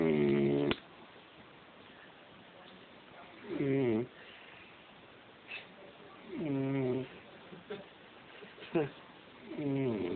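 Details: Drunk man passed out asleep and snoring: rough, rattling snores about every three seconds with soft clicks between; loud snoring in deep sleep.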